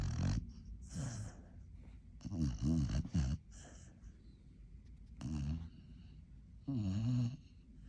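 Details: Sleeping dog snoring: irregular low rattling snores with snorting breaths and short pauses between them.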